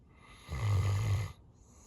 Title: Feeling Stressed? Here’s a sleeping dog snoring to cheer you up.